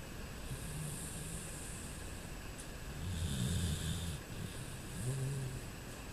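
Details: Low, rough, rumbling snoring with snorting breaths over steady background noise, from a sleeping man at night; snoring.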